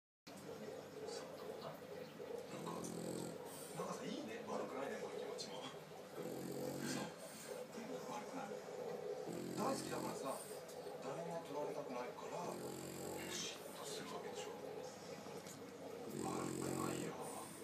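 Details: Repeated rough, low snoring bursts about every three seconds from a sleeping cow, with faint background sound; ordinary snoring.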